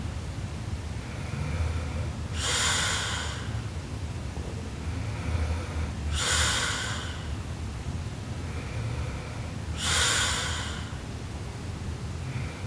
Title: Sleeping Japanese Girl Super Loud Snoring Part 2